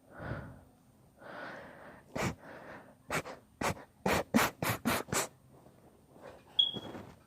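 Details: Long, deliberately induced sneezing fit: several breathy in-breaths building up, then a rapid run of about seven sharp, explosive sneezes; sneezing fit.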